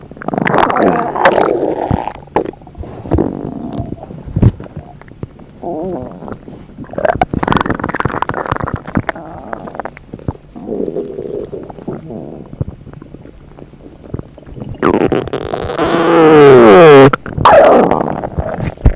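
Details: Loud, gurgling stomach rumbles with squeaky, rising tones: ordinary borborygmi from gas and fluid moving through the gut.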